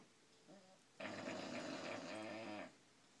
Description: Our bulldog snoring loudly